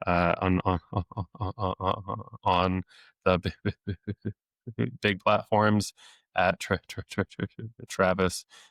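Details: Stuttering since age eight in an adult male speech-language pathologist who deliberately lets it show; repetitions of sounds, words and phrases.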